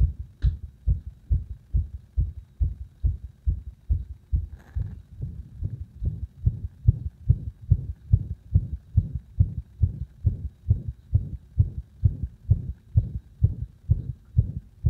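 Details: Arrhythmia deliberately induced by gradually increasing pressure on the heart: fast, loud low thumps near 140 a minute with uneven spacing between beats; irregular heartbeat.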